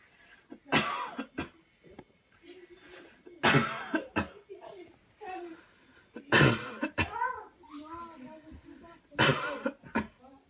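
Four strong deliberate coughs, each a loud burst, spaced by quiet voiced sounds and breaths; a performed voluntary coughing technique.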